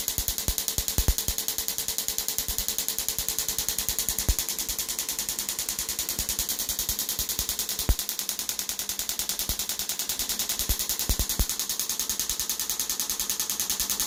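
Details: Rapid tapping clicks, with occasional louder knocks, from an EPAT shockwave device on a patient's Achilles tendon at 10 Hz and 2 bars; second session, for Achilles tendonitis with some thickening.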